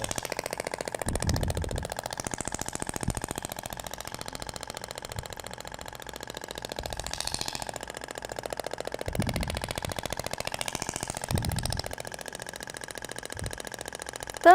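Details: Radial shock wave therapy applicator (Thork, ESWT) firing over the gelled abdomen around the umbilical scar: rapid, steady mechanical tapping with buzzing rattle; tip sound differs between materials.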